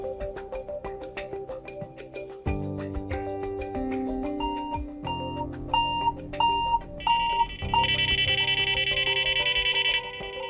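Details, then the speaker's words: Simulated hospital scenario with a SimVS nurse call system for training prioritization: overlapping electronic chimes and repeating tones from a patient monitor alarm and a bed exit alarm, judged more urgent than other call lights. "wait that's the patient Monitor and bed alarm that's more important than the diapers that'll have to wait while we handle this first"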